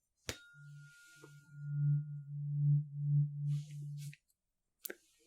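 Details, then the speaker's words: Simulated tuning fork hearing test in an ASMR cranial nerve exam roleplay: the fork is struck and held near an ear, slightly back, while the listener signals when the steady pure tone fades out. "I'd like to do a little tuning fork test with you. What I'm going to do is ring it, hold it up to an ear, and you tell me when you can no longer hear it."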